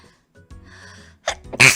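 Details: A female streamer, during a drinking-and-chat livestream, takes a quick sharp breath in, then gives a loud, explosive sneeze over faint background music, and excuses herself: sneeze.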